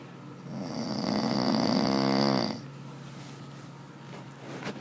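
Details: Loud, rattling snore of about two seconds ending abruptly, then quiet breathing and faint room noise; snoring.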